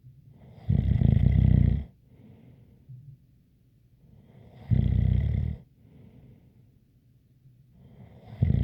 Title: Snoring Sounds ZZzzz with a light whistle